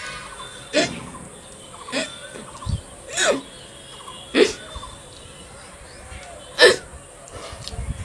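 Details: Real hiccups recorded for a hiccup challenge: five short, sharp hiccups at irregular intervals over about eight seconds, with faint background noise.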